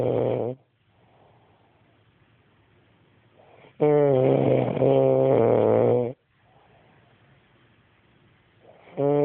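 Loud, rough, rattling snores on each breath in, separated by quiet breathing out, roughly every four to five seconds: ordinary snoring.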